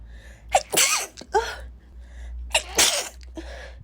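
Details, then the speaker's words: Adult woman who says she never normally sneezes: two sneezes, each a sharp breath in then an explosive hissing burst with a brief voiced sound after, during a sneezing fit while trying to talk; sneezing. "sorry sorry about that those came out of nowhere really they came out of nowhere"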